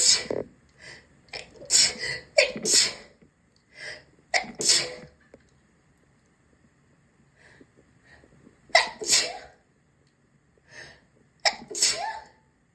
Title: Bathroom body wash sneezes Kik for customs